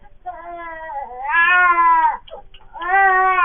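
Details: Baby's short, rising cry after being startled by the father's sneeze; a normal startle response.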